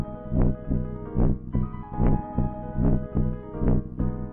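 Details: A mother's steady, regular heart thumps at about 72 a minute, recorded with a heartbeat-capture device and mixed under soft piano lullaby music for her baby: normal heartbeat.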